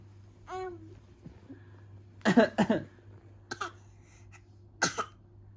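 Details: 8-month-old baby boy gives a voiced squeal, then several short coughlike bursts copying his father's cough.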